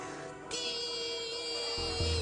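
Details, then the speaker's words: Simulated tinnitus: a steady, sustained ringing tone starts abruptly, with faint studio noise underneath, illustrating ear ringing that may be a sign of hypertension. "suena así y eso tiene un nombre, se puede llamar tinnitus, ¿de acuerdo? Y ese pitito en el oído podría ser un signo que indique hipertensión."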